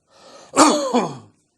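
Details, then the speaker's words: Imitation of an upper-airway cough: a deep breath in, then one single loud booming cough, classical of an irritant in the pharynx or larynx, as in laryngitis, pharyngitis or tracheitis. "if the irritant focuses in the pharynx or is in the larynx which is the upper portion of the respiratory tract the COFF is very classical the patient takes a deep breath and gives one single big boom of cough"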